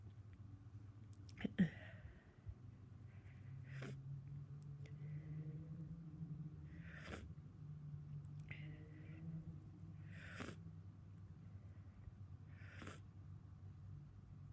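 Several short, sharp, congested-sounding bursts over a low room hum, consistent with stuffy sneezes and nose blowing.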